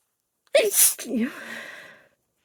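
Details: Female allergy sneezing: a single forceful sneeze, a quick intake then an explosive burst trailing into a voiced sound.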